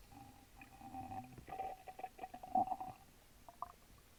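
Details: Active bowel sounds recorded over own stomach while drinking a small can of Sprite: bubbly gurgling, squelching rumbles in irregular bursts, with fizzy trickling as the soda goes down.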